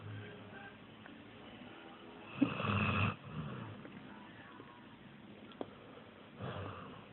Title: Snoring puppy